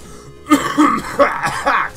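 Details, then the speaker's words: Adult gamer almost 30, recovering from an illness, coughing while commentating, apologizes that the cough sounds worse than it is; cough. "Excuse me. Ah, I apologize about that. Trust me, my cough sounds a lot worse than it actually is."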